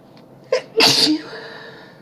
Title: A few nice sneezes for you :)